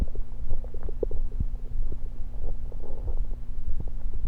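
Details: Stomach recorded while gulping Diet Pepsi: low, continuous gurgling and bubbling rumbles over a steady hum. Active bowel sounds.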